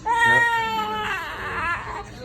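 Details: 10-day-old newborn boy during a chiropractic adjustment: brief high-pitched wailing cry with steady pitch breaking into sobbing, from discomfort, usually calming once the restriction releases.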